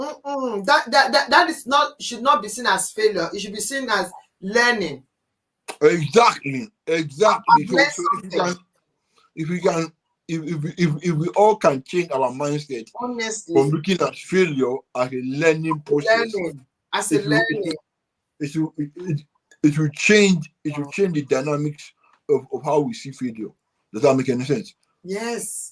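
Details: Adult man with dysarthria from cerebral palsy present since birth, which he attributes to high bilirubin at birth; he describes it as affecting the brain area controlling movement and speech.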